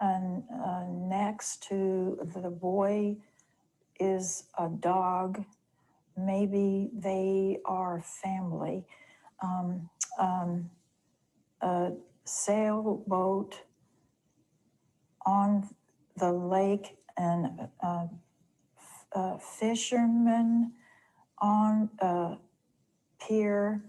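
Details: Woman with mild nonfluent/agrammatic primary progressive aphasia, with atrophy centred on the left frontal opercular (Broca's) region and a preserved ventral language system, describing a picture; agrammatism with apraxia of speech.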